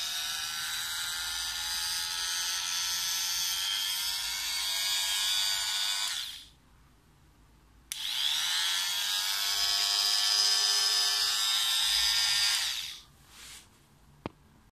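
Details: Medical orthopedic plaster cast cutter saw running: two long bursts of high, steady electric whine, each about six seconds, separated by a pause.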